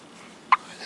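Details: Hiccup: a single short voiced hiccup sound over faint room noise.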